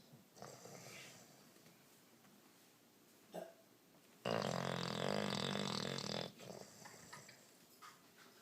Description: Snoring bulldog, tired dog, funny dog